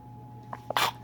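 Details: 2-month-old baby girl sneezing and passing a small fart at the same time: two soft catches, then a single short, hissing infant sneeze over faint room hum; sneeze.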